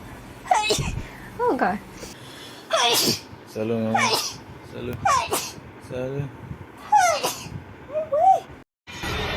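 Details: Girl sneezing rapidly: a run of about seven sharp, high-pitched sneezes, some with a voiced cry, in a room; repeated sneezing.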